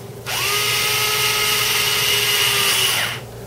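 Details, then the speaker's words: Steady high-pitched motor whine, about three seconds, from a powered drill driving an intraosseous needle into the leg without pushing, in a paramedic training demonstration. "you put the drill bit or the needle up against the patient's leg and gently just drill and not pushing the needle will pull itself in so"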